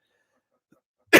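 Quiet pause, then a single harsh, explosive cough burst at the end.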